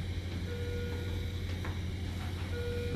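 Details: Steady low room hum with two short, soft electronic tones from a bedside patient monitor in a quiet CVCU/ICU ward during the day.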